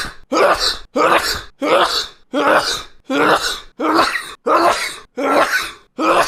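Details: A rapid run of about nine forceful, evenly spaced sneezes in six seconds, part of a fit reportedly 74 sneezes in a row: repeated sneezing.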